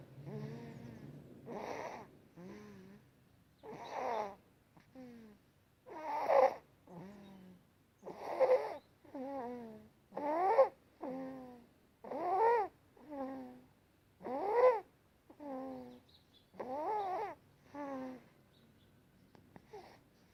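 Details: Inspiratory stridor from laryngomalacia in a sleeping 9-week-old boy, diagnosed at 3 weeks: repeated pitched, crowing breath noises.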